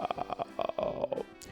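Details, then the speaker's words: Adult man talking on camera: a run of short croaky, gurgling bursts followed by a longer drawn-out groan, which he says was his stomach rumbling: borborygmi. "It was my stomach rumbling."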